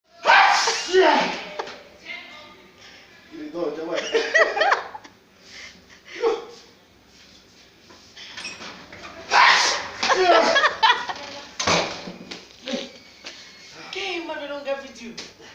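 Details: Several deliberate sneezes in different styles, each a sharp burst of breath and voice, imitated by an adult; ordinary sneezing, demonstrating ways of sneezing.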